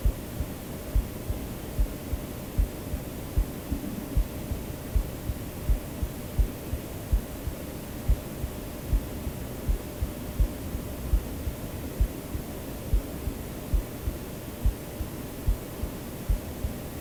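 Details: Self-recorded heartbeat of the creator, mixed into a white-noise sleep-aid track: steady, soft low thumps at about 72 beats a minute under constant hiss, a regular normal heartbeat.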